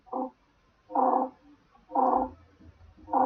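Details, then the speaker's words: Holosystolic murmur at the lower left sternal border, regular blowing sound filling systole between S1 and S2 at about 60 a minute with quiet diastolic pauses; classic ventricular septal defect. "hear the sound and hear the pause and that sound is the whole systolic murmur between s1 and s2 and that's what happens in VSD"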